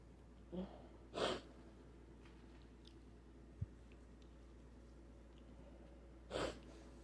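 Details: Sneezing fit, with a handkerchief used: two or three brief, explosive sneezes against steady room hum.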